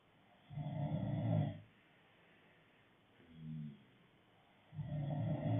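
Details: Low, rumbling snores, with a softer one between two louder ones, as rhythmic noisy breaths during sleep; ordinary snoring.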